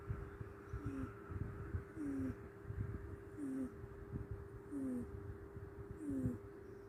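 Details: Sleeping cat gives soft, high, whistling snores with each breath, about 45 a minute, over a steady hum; owner says it snores louder at night: cat snoring.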